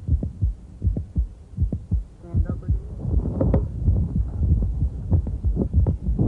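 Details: Adult female with mitral valve prolapse, regular heartbeat about 80/min; a mid-systolic click hard to separate from S1 shifts as she squats and stands.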